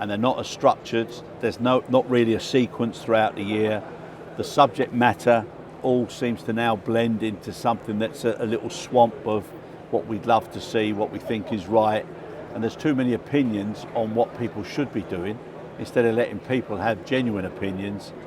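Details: Adult speaker; normal voice.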